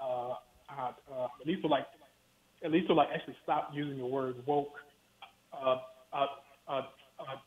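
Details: Stuttering in an adult male professor who has worked his whole life to overcome his stutter.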